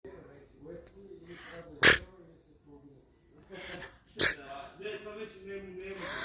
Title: seeing Maxi's reaction to my fake sneezing #shorts